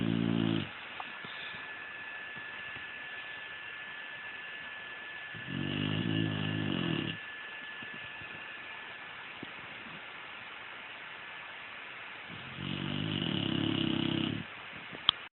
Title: Snoring doggie